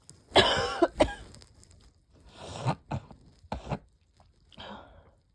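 Several forceful, explosive bursts in a quiet room, repeated sneezing with a cold coming on.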